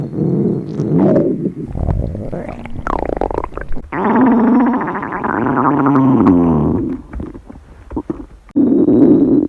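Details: Loud gurgling, creaking and rumbling stomach growls with rising and falling tones: hunger-type bowel sounds, presented as a schoolgirl's remembered hungry stomach growling.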